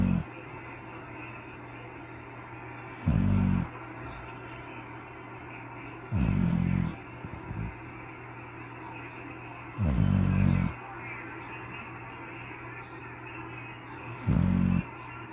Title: pittbull sleeping on couch snoring